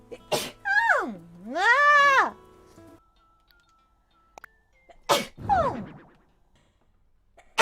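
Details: Compilation of a streamer's sneezes: sharp burst sneezes with drawn-out vocal sounds between them, over quiet background music; ordinary sneezing.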